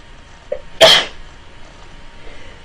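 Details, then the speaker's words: Sneeze in a girl who sneezed multiple times in a row: a brief inhaled catch, then one sharp, explosive sneeze that fades quickly; quiet room noise otherwise. "I'm gonna sneeze it thank you all right as you can tell I sneezed like multiple times in a row that was embarrassing"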